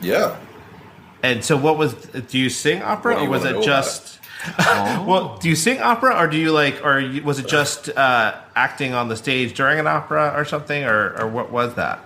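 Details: Adult man speaking; ordinary speech.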